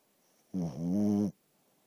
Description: My dog snores like a walrus.